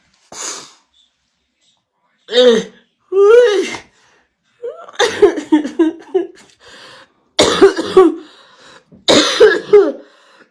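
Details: Repeated harsh coughs in rapid clusters, with raspy throat-clearing between bursts: a sustained, uncontrollable coughing fit in a woman after dabbing.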